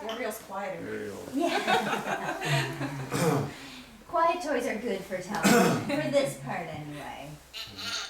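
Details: Adult speaker; normal speech.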